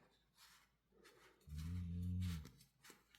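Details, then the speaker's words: A dog snoring in the background, noticed through headphones. "my dog is snoring you can hear it I just now noticed because I have headphones on"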